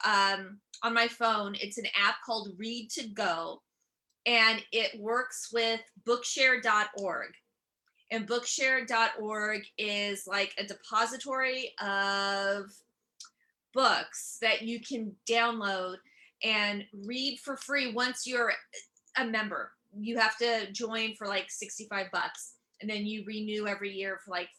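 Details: Stuttering in an adult woman whose stuttering began at age seven or eight; she also has dyslexia.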